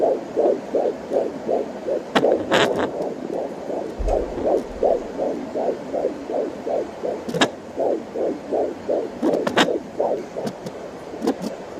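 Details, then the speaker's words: Home fetal Doppler at 14 weeks of pregnancy, heartbeat found on right side of uterus at about 160 per minute: rapid whooshing heartbeat interrupted by sharp thumps and crackles from the baby moving and kicking. "Those sounds are you hearing the baby move and kick."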